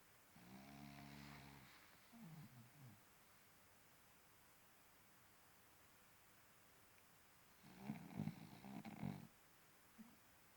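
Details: Snoring during sleep: a few irregular low, rattling snorts and a buzzing snore in a quiet room.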